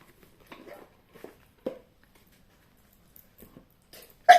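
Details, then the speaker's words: An adult gives one sudden loud sneeze in a quiet room after faint breathy sounds, during a French-language card-reading session, then thanks themself. "Je dis même merci, hein. Vous m'avez vu éternuer. Merci à moi-même."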